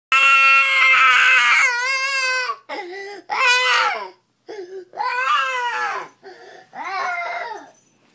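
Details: Loud, high-pitched wailing cries in several bursts with short breaths between; ordinary crying of a baby girl.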